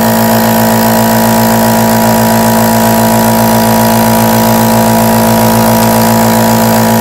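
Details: Nebulizer compressor running to make aerosol: steady mechanical hum with low rhythmic pulsing and airy hiss.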